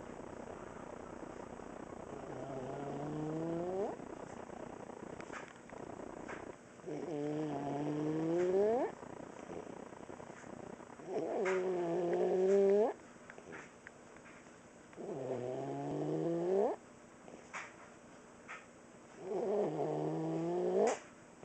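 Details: Inspiratory stridor from laryngomalacia in a boy almost 5 years old, recorded while asleep at a certain angle: loud, high, musical noise on each breath in, about 14 breaths a minute; stridor now less frequent.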